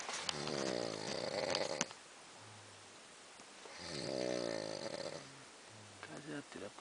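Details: Heavy snoring from a man during a night fishing trip in the bush of San Luis: two loud, buzzing, rattling snores about three seconds apart, with softer breathing between.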